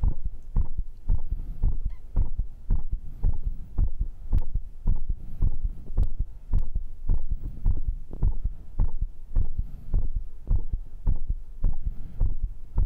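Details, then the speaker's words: Own heartbeat after a workout round of dips, ab work, diagonal pull-ups and arm curls, measured rate 122: fast, regular low thumping; normal raised heart rate after exercise. "อัตราการเต้นของหัวใจคือ122มันสมบูรณ์แบบเอาล่ะฟังเสียงหัวใจของฉันมอบหัวใจของคุณให้ฉันความสมบูรณ์แบบ!มันฟังดูดีมาก"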